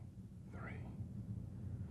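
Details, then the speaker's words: Patient whispering "1 2 3" while the examiner auscultates the chest; the whispered sounds are louder and clearer than normal, suggesting air-filled lung has become airless: whispered pectoriloquy present. "these sounds are louder and clearer than normal whispered pectoral acquis is present all these changes in voice sounds suggest the air-filled lung has become airless"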